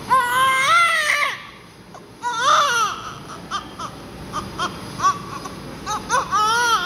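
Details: Newborn baby just after birth, with heavy vernix, during cleaning of front and back body: high, wavering cries, first long wails then shorter broken whimpers, hushed room noise behind.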